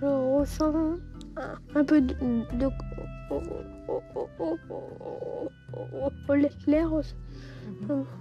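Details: 11-year-old boy with longstanding, severely disabling stuttering; speech therapy and child psychiatry did not help; attending a 3-day breathing-based stuttering course; stuttering.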